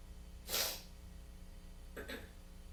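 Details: Sneezing fit from congestion and a tickle attributed to weather change: a sharp sneeze, then a smaller stifled sneeze against a steady low room hum.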